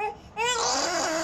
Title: Crying baby